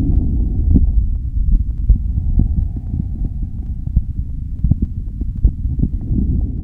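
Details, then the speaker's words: Normal vesicular breath sounds on reassessment after interventions for secretions, NCLEX clinical scenario, live stethoscope audio; soft, low, rustling breathing with no wheeze or crackle. "what normal lung sound did you identify was it a bronchial B Bronco vesicular or C vesicular the answer is C normal vascular lung sounds"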